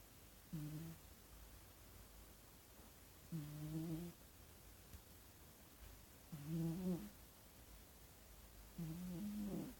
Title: Cat Snoring So Cute